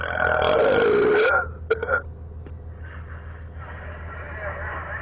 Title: Burping on the CB radio